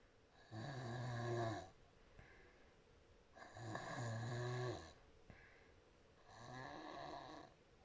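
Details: Sleeping adult woman, mouth wide open, soft snoring grown louder: deep, rattling snores on each in-breath, about one every three seconds, with soft out-breaths between.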